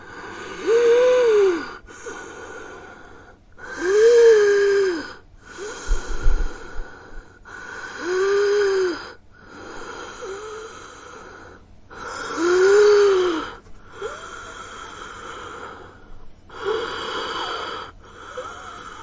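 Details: Simulated wheezing sound effect: acted, labored breathing with a high, musical whistle on each breath, imitating respiratory distress from narrowed airways.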